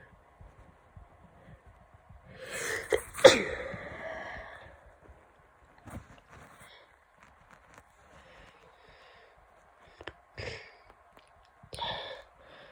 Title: Attempting to holdback sneezes with a cold